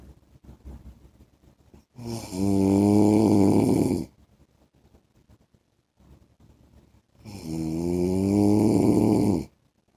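Loud rattling snores on each breath in, about two seconds long, with quiet breathing out between; typical snoring in sleep.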